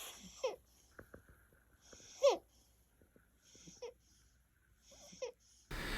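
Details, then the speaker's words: Quiet newborn baby's breathing with repeated short high-pitched squeaky and whistling noises and some groaning, chest working hard; labored breathing with wheeze, no fever, congestion or cough, recorded by a parent. "And although like he didn't seem like he was in major distress, like his chest was like really, really working hard to rise and fall."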